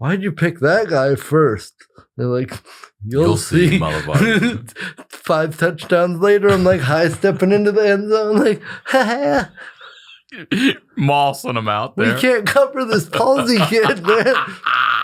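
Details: Adult male with cerebral palsy present from birth, attributed to brain injury or lack of oxygen at birth after an emergency C-section; dysarthria (cerebral palsy).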